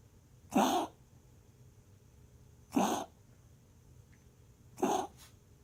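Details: Cough from a dog while resting: three short, harsh cough bursts about two seconds apart, with a faint trailing hack after the last, in a quiet room.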